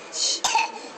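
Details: A young child's brief, breathy cough with a small follow-on burst, in a quiet library.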